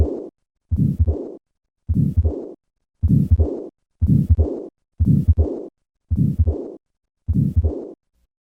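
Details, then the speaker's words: Repaired tetralogy of Fallot: regular heartbeat near 60 a minute with a to-and-fro murmur from combined pulmonary stenosis and regurgitation. "listen once again to the combined murmurs of pulmonary stenosis and regurgitation [Music]"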